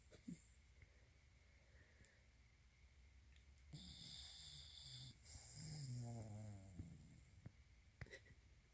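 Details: A 14-year-old Puggle snoring while napping: soft, low rattling breaths with a whistling, snorting edge over faint room noise.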